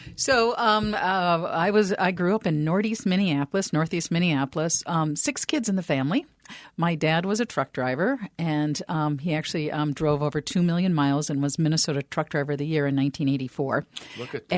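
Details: Adult woman; normal speech.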